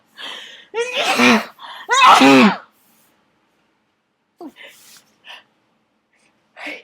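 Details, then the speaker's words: Two big voiced sneezes with loud 'ah' wind-ups in quick succession, then small sniffs and breaths: a messy sneezing fit in an adult, set off by dust in an attic. "this is so messy one more these are my last tissues so I hope this stops soon"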